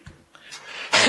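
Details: A soft breath and faint noise in a quiet room during a speech, then one sudden, loud, harsh burst from an adult man: a cough; it is unknown whether he choked or is ill.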